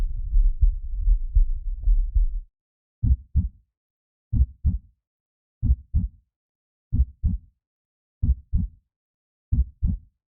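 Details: Produced creepy heartbeat sound effect for Halloween and horror, not a recorded patient: rumbling opening, then deep regular paired thumps at about 47 beats a minute.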